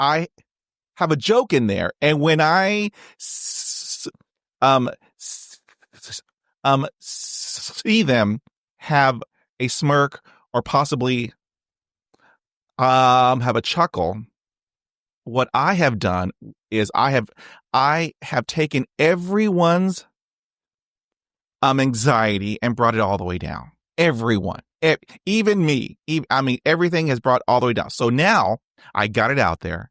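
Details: Adult male who has stuttered since age 5, with on-and-off speech therapy from grade school through college, including therapy in his 20s, and self-esteem struggles due to stuttering; real, unscripted conversational speech showing stuttering.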